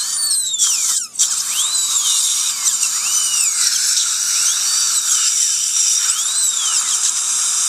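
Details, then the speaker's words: Steady high-pitched surgical drill whine, rising and falling as it cuts bone with a brief pause: perforating extraction socket walls to induce bleeding during L-PRF bone grafting, with water irrigation, no saline. "You're seeing where I went in and perforated some of the shavings coming out."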